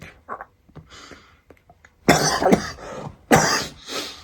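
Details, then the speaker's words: Man's acted cough in a comedy skit, blamed on allergies: a few faint throat noises, then two forceful, harsh, dry-sounding coughs. "You got the nerve to cough right beside me."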